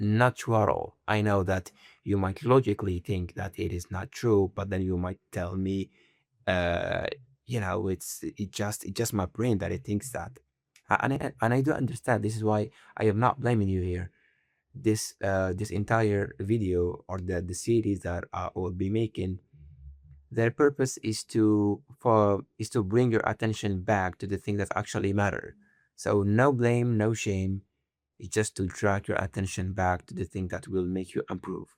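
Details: Stuttering in a male who stutters, shown as part of an exercise, possibly deliberate; sound and word repetitions.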